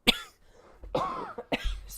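Three sharp, abrupt cough bursts in quick succession over two seconds, with a faint low hum behind; a repeated dry-sounding cough.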